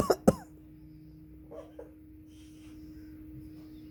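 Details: Two sharp cough-like bursts from a Congo African grey parrot that talks, then quiet with faint small sounds; possibly a real cough or mimicry.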